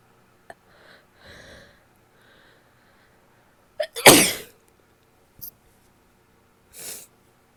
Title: wet sneezes, two stifles, nose blow and show at end (f)